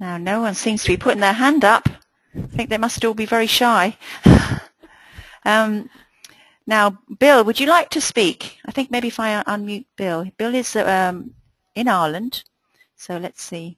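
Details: Adult woman speaking; Normal voice.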